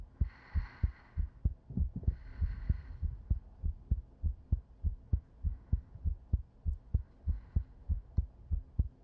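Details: Sleep-aid recording of a female's heartbeat heard as if lying on her chest: steady, regular low thumps at about 98 beats a minute, with soft breathing over the first beats; normal heartbeat.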